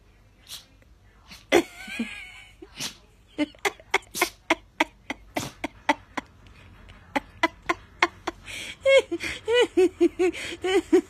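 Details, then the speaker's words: Puppy named Willow with a rapid run of many short, sharp nasal sneezes ending in a cluster of snorting bursts: sneezing. "What's going on? Why you got the sneezes? Any more? Oh, yep, one more."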